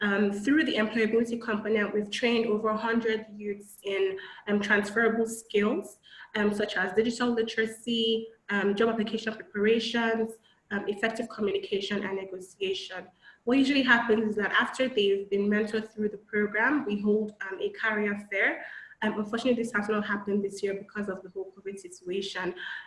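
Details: Adult woman speaking; ordinary speech.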